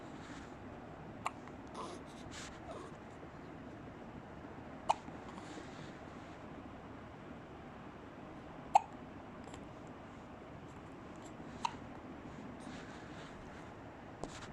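Sharp, brief hiccup sounds recur irregularly, about five in 14 seconds, over steady background noise; hiccups.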